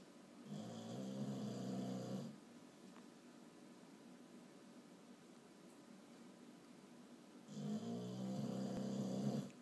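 Two long, rattling snores roughly five seconds apart in a quiet room; ordinary snoring during sleep.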